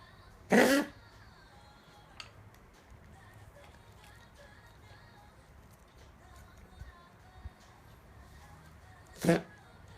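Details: Animal (Rose) coughing, recorded 3 August 2016: two short, sharp coughs far apart over faint steady room noise.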